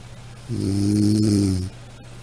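One low, droning, buzzy snore lasting about a second, with quiet room noise before and after.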